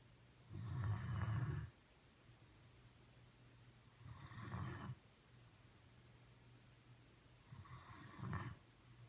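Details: A sleeping pet in deep sleep, lying on its owner's foot and dreaming, gives three low, rumbling snores at a slow, regular pace over a steady background hum: snoring.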